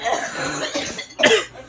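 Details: Sputtering, wet, strained coughs with gasps after choking on water going down the wrong way.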